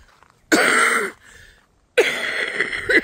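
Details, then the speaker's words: Person with long-haul COVID and worsened environmental allergies gives two harsh, rough, wet rattling cough bursts; a deep, horrible productive cough, bringing stuff up, that sounds like the bronchitis cough they used to get every May. "It is a very horrible deep cough. I am coughing stuff up. And that it sounds like a bronchitis cough, and it's what I used to get every year in May."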